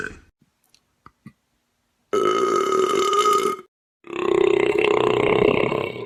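A few faint clicks, then two long, loud, drawn-out burps, each lasting over a second.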